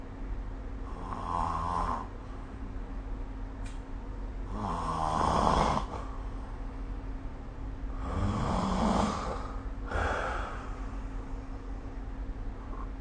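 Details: Four loud, rattling snores on breathing in, roughly one every three seconds, about 20 breaths a minute; snoring during sleep, recorded with the SnoreLab app.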